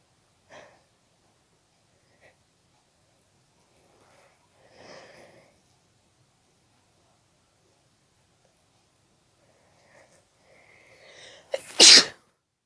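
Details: A single loud, wet, uncovered sneeze after quiet breaths and tissue rustling; an ordinary sneeze.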